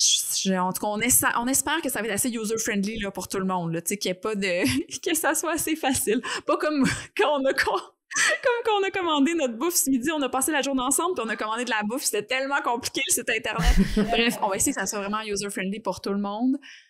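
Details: Adult woman speaking French; normal fluent speech.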